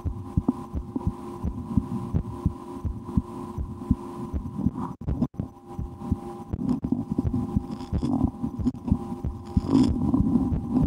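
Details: Own heartbeat recorded through a stethoscope for relaxation, at times holding breath or playing a game to raise the rate, after a restaurant lunch; regular low thumps with steady hum and rustling; normal heart sounds.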